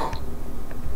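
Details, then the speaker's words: An adult man who has had hiccups for a day, with some coughing, hiccups while talking; a glass of water has not helped. Hiccup. "a glass of water helps with hiccups. I've been trying it for a day now, it hasn't been working for me."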